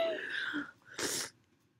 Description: ugh im so happy i found this perfume but not happy at how stuck the last sneeze was ): the tickle died down but man this stuff kills me.